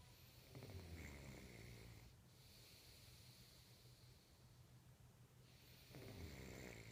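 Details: Snoring recorded in 2014: two long, rumbling, vibrating snores on inhalation separated by a quiet breath out.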